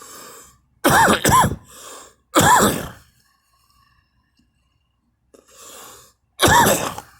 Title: me coughing